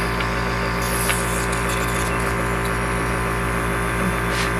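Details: Nebulizer compressor running with a steady, loud mechanical buzz and hum, without pause, held up to a dog being treated at home for cough and colds with sneezing.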